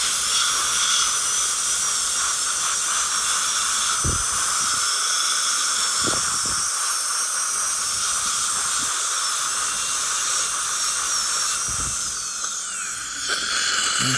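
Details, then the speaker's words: Dental drill: steady high-pitched whine with faint low thuds while adjusting a patient's lower teeth for a very tight bite, making room for porcelain over mono implants (teeth 8 and 9). "cuz he's got a very tight bite so we'll just do a little bit of adjustment of these lower teeth and we'll even them up a little bite together open just to make a little bit of room"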